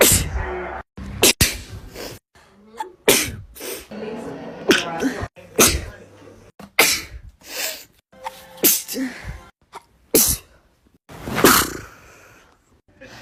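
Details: Woman indoors at home giving a rapid run of forceful, wet-sounding sneezes with brief silent pauses; she wonders about pollen allergy and thinks she may have a fever; repeated sneezing.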